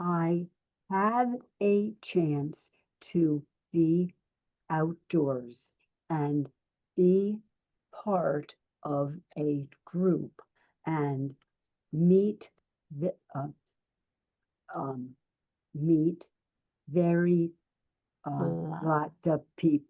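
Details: Aphasia in an adult woman following a stroke.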